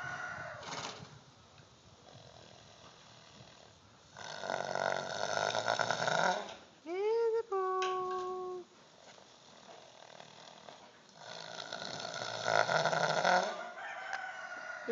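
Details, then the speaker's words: A 15-year-old female Clydesdale cross, waking from sedation given for an eye injury, snoring for over an hour: repeated rough, rattling snores with a brief vocal call between them. "this would be isabo the Clyde stale horse who's coming out of sedation and is having a little bit of a snoring issue"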